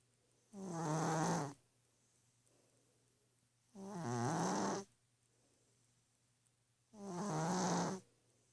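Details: Orange cat asleep on a pillow: three rumbling, fluttering snores, each about a second long, at a steady rhythm of roughly 19 per minute in a quiet room.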